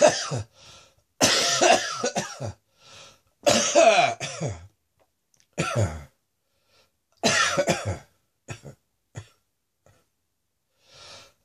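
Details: Still coughing after a chest infection: repeated harsh, wet coughs in bouts with throat clearing; productive chesty cough.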